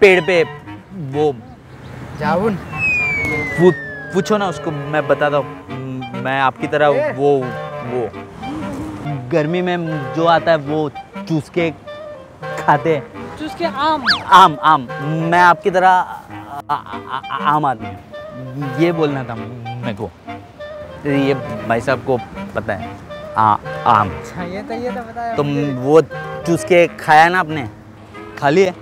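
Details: Acted stuttering: a man deliberately fakes a stammer with sound and syllable repetitions as a street prank to irritate people; stuttering (acted).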